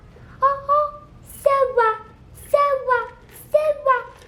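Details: 4-year-old nonverbal boy saying a few random words, in speech therapy, approved for an AAC device, autism evaluation pending; babbling in a nonverbal child.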